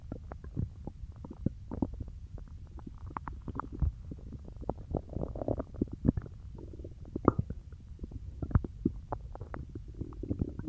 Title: Stomach growling from peanut butter